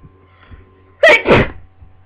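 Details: Single sharp two-part sneeze, an intake then a loud burst, over a low steady hum, during a person's second cold in two months.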